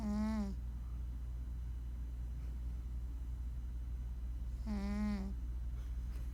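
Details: Duke the cat snoring while asleep: two slightly tonal snores about four and a half seconds apart over a steady low room hum; ordinary snoring.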